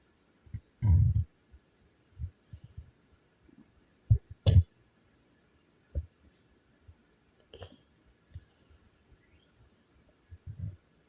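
Irregular low gurgles and rumbles from the belly, typical stomach growling from gas and fluid moving through the gut.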